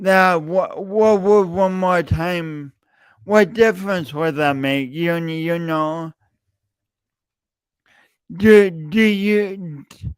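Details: Stuttering (speech disfluency) in an adult male podcast host with a long-standing speech impediment that he denied for years; repeated words throughout his speech.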